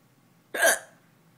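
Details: A single sharp, abrupt voiced hiccup against quiet room noise: hiccup.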